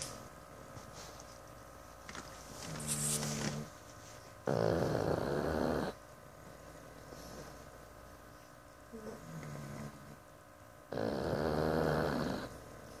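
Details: Pug deep in sleep snoring loudly with rattling, human-like snores alternating with softer whistling breaths, about ten breaths a minute.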